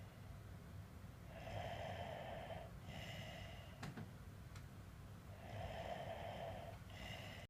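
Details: Man snoring in sleep: repeated rough snorting breaths in a quiet room, with a couple of sharp clicks.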